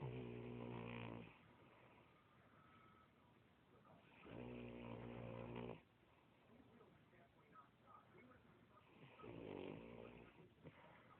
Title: Our pretty baby snoring away